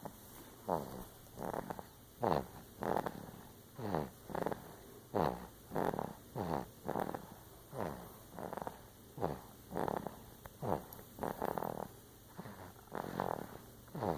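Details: Ordinary snoring: rhythmic rattling snores, about one every 0.6 to 1 second, with brief quiet gaps between.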